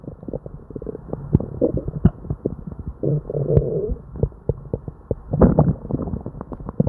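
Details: Person with diarrhea and an upset stomach: near-continuous gurgling, rumbling and popping bowel noises with frequent bursts; hyperactive bowel sounds (borborygmi).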